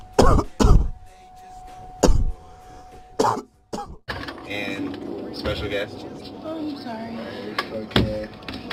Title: E&RSeason1: Best of Coughing Compilation (Part1)